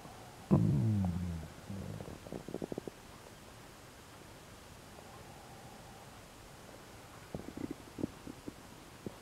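A low gurgling rumble, then scattered soft pops and gurgles over quiet hiss; stomach rumbling.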